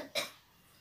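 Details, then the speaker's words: Child with a cold, sore throat and runny nose, now starting to cough, after a warm bath in cold weather: one short, fairly soft cough. "Meron siyang masakit yung ano niya, lalamunan. And may sipon din siya. And ngayon nga, inuubo na"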